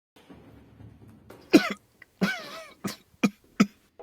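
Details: A run of about five harsh, dry coughs with a strained throat-clearing quality, from a worker breathing in a cloud of coffee-powder dust while sweeping a very dirty carpet during cleaning.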